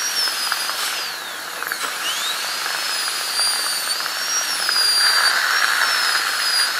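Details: High-pitched whine rising and falling under load as a high-speed dental handpiece cuts a crown preparation, during an ADC practical exam demo of an FGC preparation on tooth #36.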